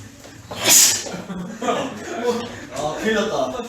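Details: One sharp, loud, hissing sneeze burst amid voices and laughter in a room; a typical sneeze.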